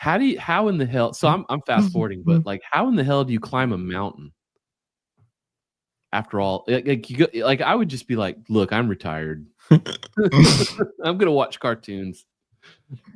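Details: Adult man, conversational speech; normal speech.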